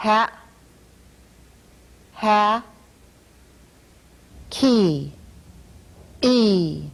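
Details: Speaker with a repaired cleft palate producing mid-dorsum palatal stops in place of t and d.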